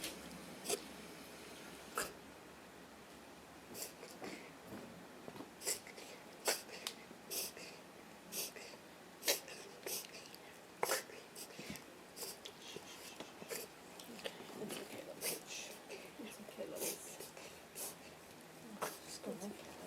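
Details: Reverse sneezing in a dog that began having attacks after recent boarding: repeated sharp, snorting inward breaths in an irregular run.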